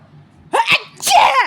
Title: types of people sneezing be like #shorts